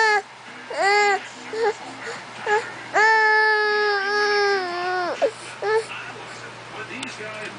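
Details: Baby fake crying for attention, stopping when interested in something: short wailing cry bursts with one longer held wail, starting and stopping abruptly.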